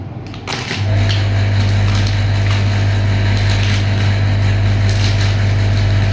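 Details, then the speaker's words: Airway suctioning on a training mannequin during a nursing skills practicum with sterile gloves, done to remove secretions and clear the airway: a steady loud suction motor hum with rattling, gurgling noise. "Tujuannya adalah yang pertama untuk mengeluarkan untuk membantu mengeluarkan sekret kemudian untuk ee membersihkan jalan nafas ya sama ya."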